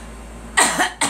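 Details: Girl coughing: a child gives two short, explosive coughs after a moment of quiet room noise.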